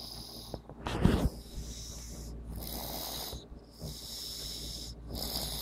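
Soft rasping sleep breaths with a louder snort near the start over steady room hum; snoring.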